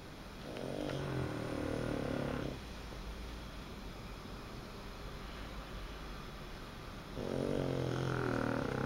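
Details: Sleeping dog snoring: two long, low, rattling snores separated by a quiet gap, with steady background hiss.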